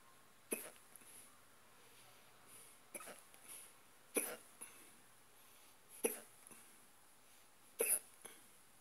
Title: stubborn hiccups part2